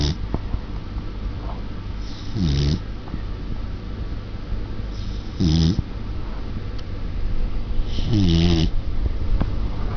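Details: Samoyed puppy snoring while asleep; three low, rumbling snores with a soft whistle, about every three seconds, over steady background noise.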